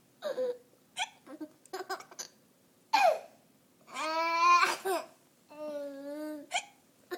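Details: Young child with hiccups while giggling and eating Cheerios: short, sharp, high-pitched catches between bursts of giggling and drawn-out vocal sounds.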